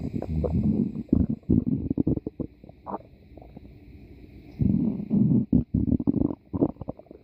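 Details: Loud bursts of gurgling and bubbling rumbles separated by a quiet pause; ordinary stomach growling (borborygmi).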